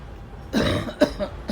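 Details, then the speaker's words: Two short, harsh, throaty adult coughs over faint room noise; non-smoker who reports lots of phlegm and a coughing fit, blaming household cigarette smoke: cough. "I gotta go inside to drink water. I cannot stop coughing."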